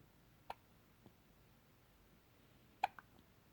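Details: Two short, sharp, gulping hiccup sounds a couple of seconds apart in a quiet room; hiccups.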